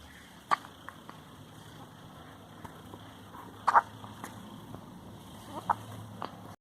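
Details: Baby with hiccups: soft, faint hiccup clicks spaced a couple of seconds apart over background room noise; infant hiccups.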